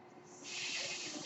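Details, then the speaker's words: Speaker's own home mechanical ventilator running in the background while talking. "Hello everyone. That noise you're hearing is my ventilator. And welcome to Page Turners They Were Not, my Star Wars podcast."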